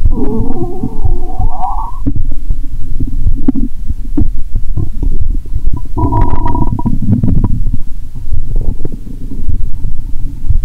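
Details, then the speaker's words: Stethoscope over the abdomen during a cola-and-Mentos session; stomach audible even near the heart: deep rumbling and gurgling with brief higher squeaky gurgles after the fizzy drink; active bowel sounds (borborygmi). "Bạn có thể nghe thấy âm thanh của dạ dày ngay cả khi ở gần tim."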